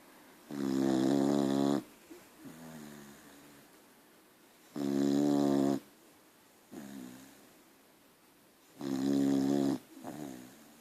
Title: Archie snoring. .....dog tired!!